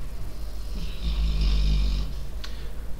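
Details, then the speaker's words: A pet dog snoring while asleep, called a real tractor by its owner: a loud, deep rumbling snore with a brief snort at the end; ordinary snoring. "là je sais pas si vous avez entendu, mais c'est ma chienne qui ronfle. Un vrai tracteur."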